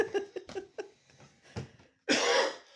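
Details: Man with tree-pollen allergies coughing near a German Shepherd's third-birthday ice cream treat: short throaty bursts ending in a loud harsh cough.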